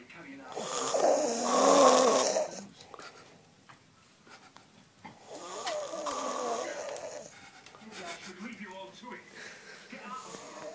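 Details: Loud, vibrating snores on each breath in, separated by quiet pauses; snoring.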